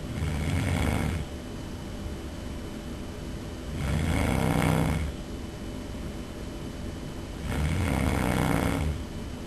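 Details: Person recorded by a roommate while asleep, snoring loudly: three loud, rough, low-pitched snores on the in-breath roughly every 3.5 seconds, with quiet breathing between; loud snoring.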